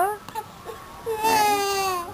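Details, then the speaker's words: Brief whimpers rising into a sustained high-pitched wail from a baby crying while told to stay put, apparently upset and seeking help. "Ay grabe umiyak oh makikita nila Grabe ka umiyak oh oh Ay nakakahiya"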